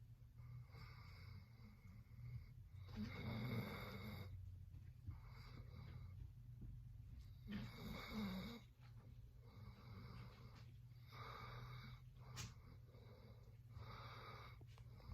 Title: Funny Dog Snoring!!